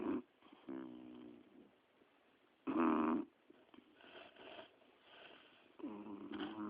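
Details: Several sleepers snoring while resting on a sofa: rumbling, buzzing snores from more than one sleeper, with quiet gaps between them.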